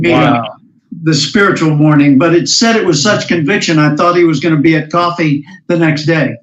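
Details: Adult male speaker; normal fluent speech.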